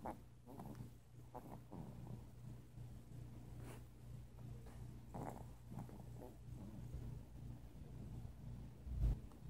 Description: This video is my chihuahua snoring as loud as a human.